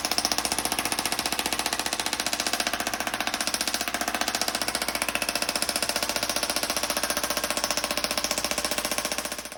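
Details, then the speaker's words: Rapid, steady mechanical clicking pulses, about 220 a minute, from an EPAT shockwave therapy device. It is applied to pain spots after disc decompression to break up scar tissue, adhesions and trigger points in a patient with herniated or bulging disc pain. "And let's show you what this looks and sounds like."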